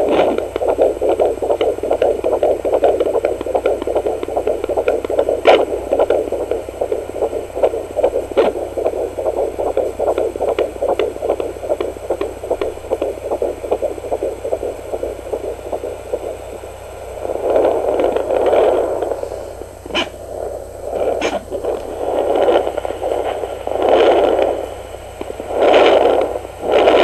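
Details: Fetal heartbeat on a home fetal Doppler at 14 weeks 5 days of pregnancy: fast, rhythmic whooshing pulses, normal early second-trimester heartbeat.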